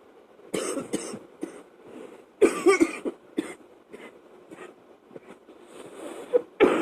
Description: Still from my last chest cold... sorry about the fan blowing it was at night and I was of course sleeping, when this fit came to choke me...